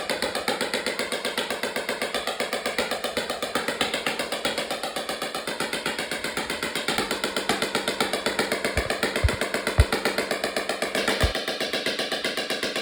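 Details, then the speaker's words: Extracorporeal shockwave therapy on a quarter horse's popped splint on the leg, applied by a veterinarian with gel: rapid steady clacking pulses about four per second with a few louder knocks. "My veterinarian is applying lube to the splint so the machine will glide easily as she administers treatment. And this is going to help her heal."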